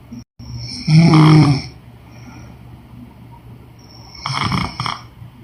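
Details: Woman snoring during sleep: one loud, rough snore followed a few seconds later by a fainter, broken snorting breath.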